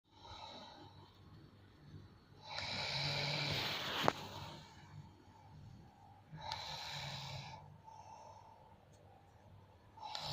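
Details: Sleeping person snoring: loud rough snore bursts on inhalation about every four seconds, with quieter breathing between.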